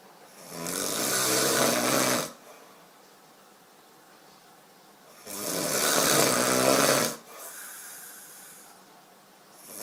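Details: Sleeping adult man (boyfriend) snoring: two loud, rough, rattling inhalation snores, each about two seconds, separated by quiet exhalation, roughly 12 breaths a minute.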